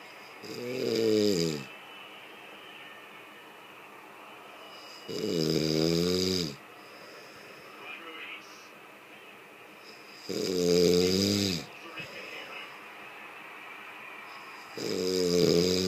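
Loud, rattling snores on each in-breath, with quiet pauses between them, about 13 breaths a minute.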